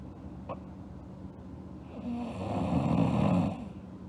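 One low, rough snoring breath rises and fades over a few seconds against steady room noise. Snoring in sleep.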